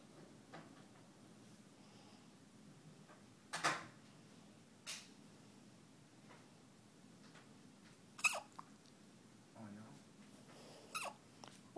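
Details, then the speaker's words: Two-week-old baby girl hiccuping while asleep and sleeping through it: soft, brief catching sounds every few seconds in a quiet room. She hiccups two to three times daily, attributed to an immature respiratory system. "The reason why she hiccups is because her respiratory system is not yet fully developed."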